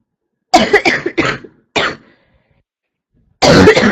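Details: Girl who says she got sick, repeatedly coughing and clearing throat: a quick run of four harsh coughs, a pause, then another coughing burst.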